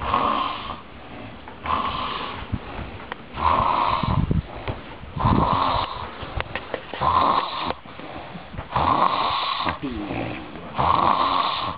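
Loud, rough snoring in repeated bursts with a rattling, snorting quality, about six cycles in the clip; heavy snoring.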